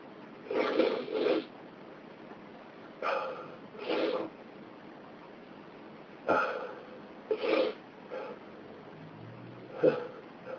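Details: Several small, soft sneeze-like bursts, mostly in pairs, over about ten seconds in a quiet room.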